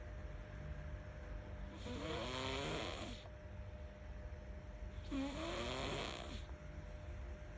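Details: Baby snoring softly while asleep: two soft, drawn-out snoring breaths about three seconds apart, with a faint steady hum in the room.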